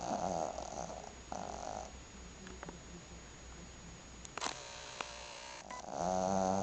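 Loud rattling snores at the start and end with a quieter noisy stretch and some small knocks between; a sleeping dog's snoring.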